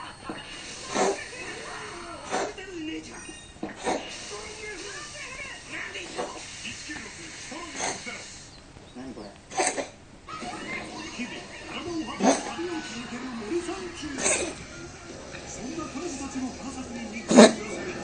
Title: 猫の咳 The cough of a cat